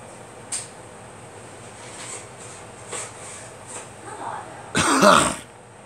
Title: Me coughing